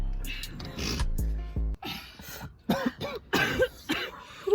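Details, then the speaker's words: Clearing of the throat, then several short, harsh coughs with background music and voices. "Okay. So, basically make it look like I'm coughing blood over here."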